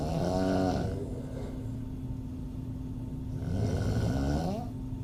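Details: Adult female open-mouth snoring, audio only: a vibrating, throaty snore on each breath, roughly every three to four seconds, over a steady low room hum.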